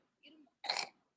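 A single short, harsh cough burst from a child, with a loose, rattly quality typical of a wet (productive) cough.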